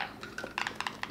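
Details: Short, sharp scraping clicks in a quiet room: teeth grinding (bruxism) by a young girl with congenital CMV, autism, cerebral palsy, hearing loss and cortical visual impairment, recorded while she plays excitedly with bubbles.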